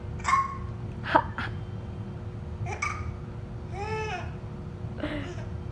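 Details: Baby boy with hiccups: short, abrupt hiccup bursts mixed with soft babbling and a brief giggly coo as he laughs at them, over a faint room hum.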